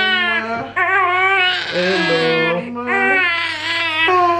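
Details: Newborn's loud, strong wailing cry in repeated bursts over soft background music, after hospital induced labor and natural birth; a vigorous newborn cry.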